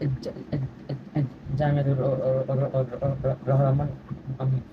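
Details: 16-year-old male student with stuttering (speech block) since childhood, with affected family members; treated with homeopathy, with slight improvement reported; gets stuck more when speaking; stuttering.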